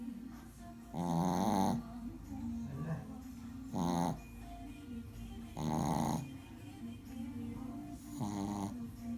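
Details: Shih tzu puppy snoring while asleep: snorting, buzzing snores about every two seconds over background music; snoring.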